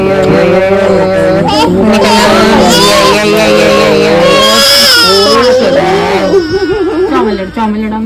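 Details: Six-week-old baby crying just after first vaccination injections: loud, sustained high-pitched crying with music in the background; pain cry after injections.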